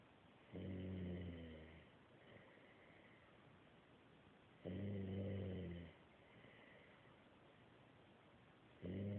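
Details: Snoring: slow, regular rumbling snores on each breath, roughly 14 breaths a minute, with softer airy sounds between them.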